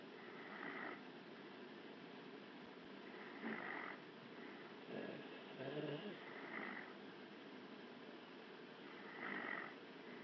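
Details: Woman asleep snoring: soft, rough snoring breaths recur every few seconds over a steady background hiss.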